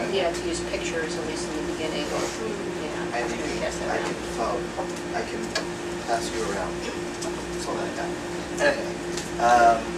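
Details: Male retired pediatrician with aphasia after a left-hemisphere stroke from a torn carotid artery in 2014; right-side paralysis recovered; his words are slowly returning with speech therapy; aphasia.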